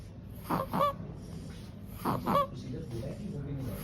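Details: Small baby with noisy breathing: harsh, honking, musical noise on each breath, typical of stridor from a narrowed upper airway.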